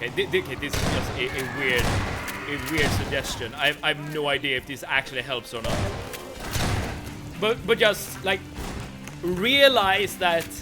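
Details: Livestreamer who says he stutters roughly every other sentence or more, and more so in person; repetitions audible in this stretch. Stuttering.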